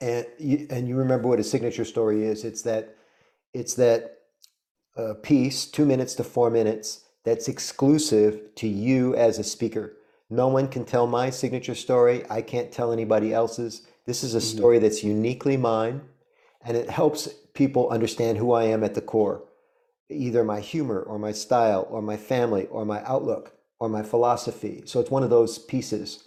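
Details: Adult male speaker; ordinary speech.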